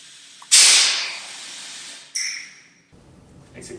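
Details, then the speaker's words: Wall-mounted suction unit: a sudden loud rush of air that fades, then a brief whistling hiss as suction pulls the canister liner lid into place while a finger blocks the end of the tubing. "to ensure the lid is correctly attached place a finger over the end of the tubing or if there's no tubing attached over the end of the white tap and you will see that the lid will use the suction to pull itself into place"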